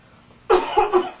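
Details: Demonstration cough showing cough etiquette: one deliberate, staged cough in two or three quick parts after a moment of quiet, not a sign of illness.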